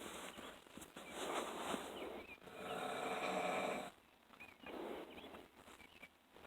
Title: Snoring like a fat ass